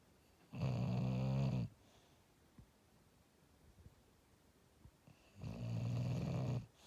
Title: Dreaming English Bulldog: Sleeping Dog: Sleep dog: Snoring Bulldog